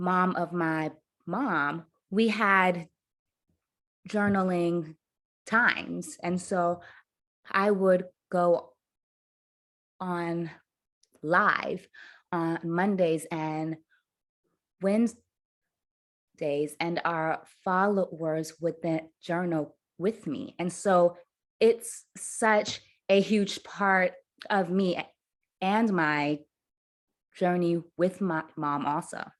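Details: Adult woman who stutters; her stutter worsened under caregiving stress to the point of being nearly unintelligible; stuttering.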